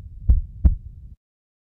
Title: Heart beat sound...Use headphones #trending #mostviral #hearts sound LUBB/DUBB